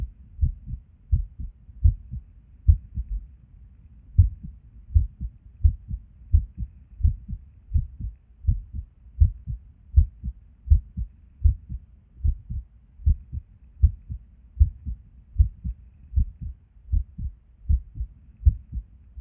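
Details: Resting heartbeat recorded at Erb's point while sitting at a desk, described as skippy lately: low heart thumps about 78 a minute with uneven spacing and occasional pauses, irregular rhythm with skipped beats.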